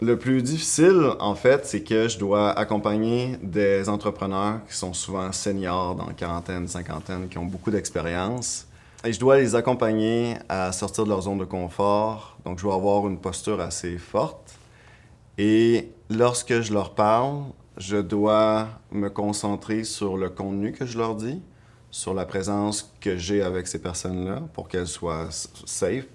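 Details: Stuttering in an adult French-speaking woman who stutters, who reports blocks.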